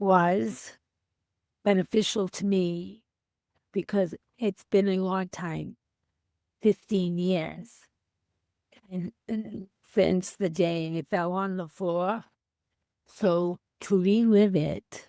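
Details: Female teacher with aphasia after a stroke on January 28, 2010, unable to speak for three months, now 15 years post-stroke.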